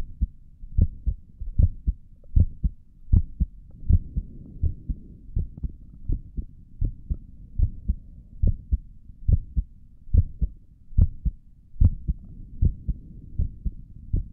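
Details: Own heartbeat recorded through a stethoscope on the chest for ASMR: a steady low lub-dub at about 74 beats a minute with faint background hum, and stomach gurgles also occur in the recording; a normal heartbeat.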